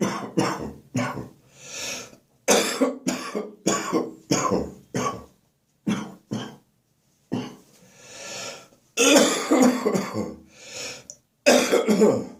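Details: Morning cough during a spring cold, becoming more chesty and wheezy: repeated bouts of harsh, loose coughing with throat clearing and breaths between; chesty cough.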